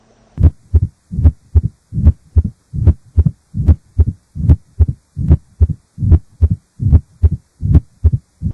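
Regular heartbeat near 74 a minute with an opening snap and low rumbling late diastolic murmur of mitral stenosis.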